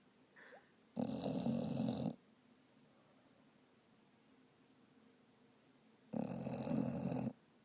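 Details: Sleeping Vizsla dog, dreaming, snoring: two long, rattling snores about five seconds apart with quiet room sound between.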